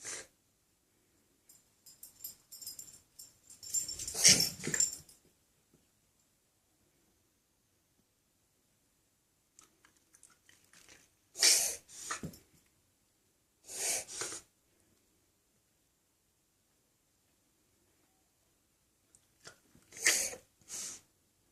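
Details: Owner's dog with a mystery illness, owner wonders whether heartworm-related, gives short, harsh, hacking cough bursts in paired clusters separated by quiet pauses; cough.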